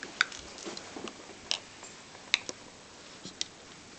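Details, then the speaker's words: Scattered sharp clicks and gritty ticks of teeth rubbing together; a child grinding the teeth (bruxism). "are you grinding your teeth what are you"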